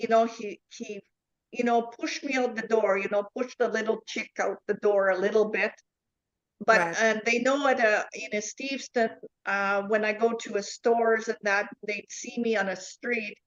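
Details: Adult woman with foreign accent syndrome after a neurological event in July 2010, accent shifting between Chinese, Irish, South African and Dutch-sounding; also aphasia, apraxia, comprehension difficulties, reported lack of tongue control and gibberish under stress; foreign accent syndrome.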